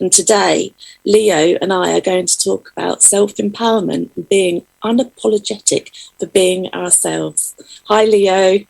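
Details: Adult woman speaking; Normal speech.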